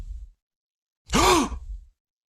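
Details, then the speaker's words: Agonal gasping audio example: a single abrupt, voiced gasp after silence, a maximal but brief inspiratory effort followed by long expiration, a sign needing urgent medical attention. "so here as you can see that there has been maximal but brief inspiratory efforts followed by a long period of expiration so that is what we know as gasping and we need to know that they need urgent medical attention"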